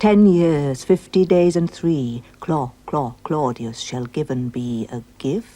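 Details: Actress in a TV drama mockingly imitating a character's stammer with repeated syllables; acted imitation of stuttering, not a real disorder.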